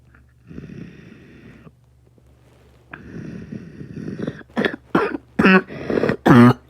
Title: Another cough